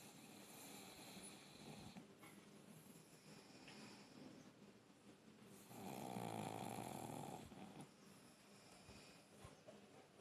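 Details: Female pug dog snoring while asleep: rhythmic rattling snores, with one louder, longer snore midway.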